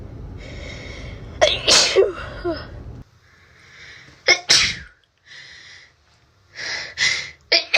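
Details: Person with a cold and a very itchy, sensitive nose: several sharp sneezes, some stifled with a short hiss and others released fully with a spray of air.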